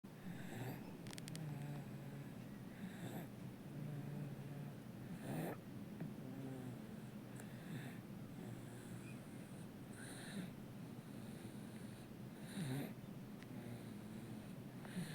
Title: 今日も気持ちいいいびきをかいている赤ちゃん #baby #shorts #赤ちゃん